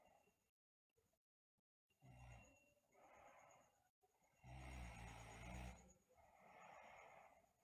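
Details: Sleeping girl snoring, also noted to have bruxism: deep, rumbling snores on both inhaled and exhaled breaths, about three breaths in six seconds.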